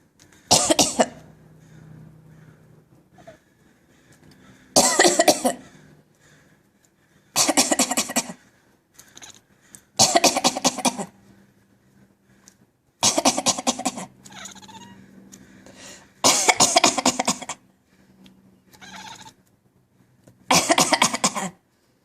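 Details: Cat gives seven harsh, hacking cough bursts spaced a few seconds apart, with quiet breathing between; owner unsure whether it is coughing or laughing.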